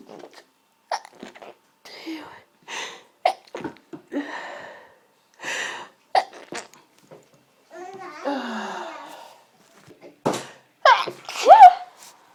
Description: This is what happens if you drop and smash your pepper pot! Started recording these after clearing up the mess......... i was then in a mess!!